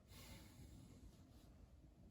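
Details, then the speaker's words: Stethoscope listening to the anterior chest during a lung assessment using the ladder method, with the patient taking deep breaths in and out: soft, even air exchange with no crackles or wheezes, normal breath sounds. "I'm going to be listening for anything that sounds have normal um it should just be an even error exchange no crackles or we should be noted"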